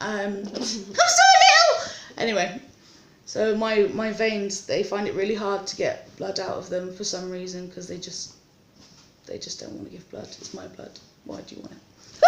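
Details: Vocal tics of Tourette syndrome in an adult woman in hospital awaiting an ERCP, with tics worse than usual from stress about the procedure.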